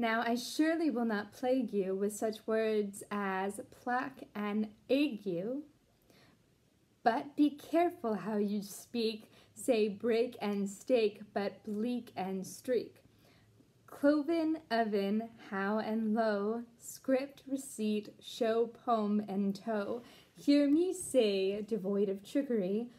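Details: Deaf speech in a Deaf woman who was once completely mute and taught herself to talk again, reading an English poem aloud without being able to hear herself.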